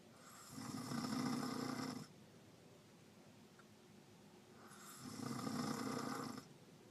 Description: Me and some of my family went on a little road trip doing some errands for a few hours and my aunt was the first to fall asleep in the car and her snoring was very loud the whole car ride!